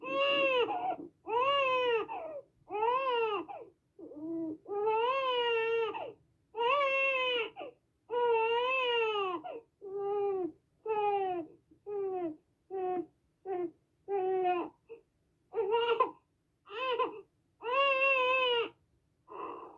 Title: Infant Crying Sound Effect